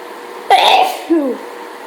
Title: Is anyone else sneezing every 2 seconds?